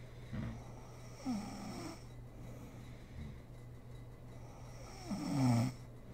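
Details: Adult woman (mother) asleep, recorded for ASMR: soft, low rattling snores on a few breaths over a steady background hum; snoring during sleep.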